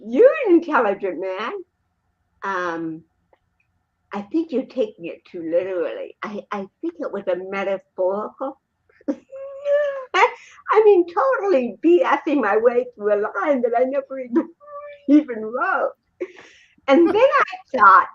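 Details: Adult woman, an actress and comedian, with cerebral palsy since birth in 1956, in real unscripted speech: dysarthria (cerebral palsy).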